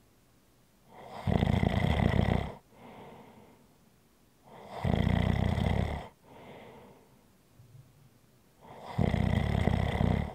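Loud rumbling snores on each inward breath with softer outward breaths, about 14 breaths a minute; ordinary snoring.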